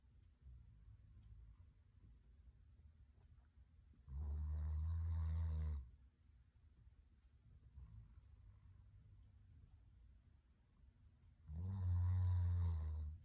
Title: Christmas dog snoring